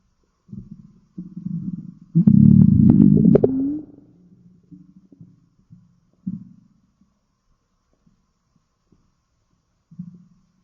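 Low gurgling and rumbling bursts with a longer loud rumble, then quiet; ordinary stomach growling.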